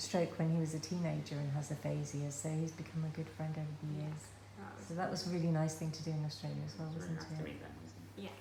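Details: Adult speaker; normal speech.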